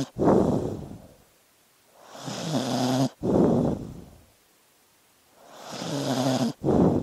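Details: Sleeping dog breathing slowly, about 19 breaths a minute, with a soft rattling snore on each breath in and a breathy sigh out; normal snoring.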